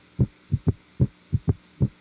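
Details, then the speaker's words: Third heart sound heard at the apex as a galloping rhythm: low, dull beats with an extra low sound on each beat, and a second sound that is hard to hear. Ventricular gallop from rapid filling of a floppy ventricle. "اذا ده الثيرد هارت ساوند اللي هو سببه الفنتريكولار يعني الفلابي فنتريكل عشان كده بيسموه فنتريكولار جالوب وده نتيجه الرابيد فنتريكولار فيلينج"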